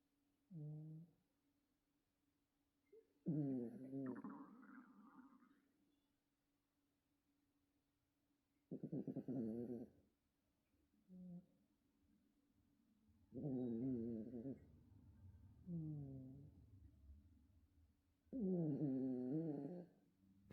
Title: Little ladies snore too!! #youtube #funny #love #cute #animals #baby #trending